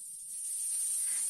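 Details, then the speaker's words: Simulated tinnitus: steady high-pitched hissing buzz like chirping insects, heard only in one's own ear. "그밖에 이런 히싱 소리도 있고네 이렇게 주전자 바람 빠지는 소리 그다음에 벌레우는 소리"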